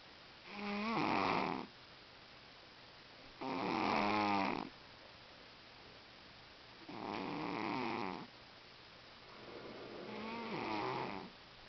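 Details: Sleeping cat: four loud, buzzing snores about three seconds apart, near 20 a minute, with quiet gaps between them: snoring during sleep.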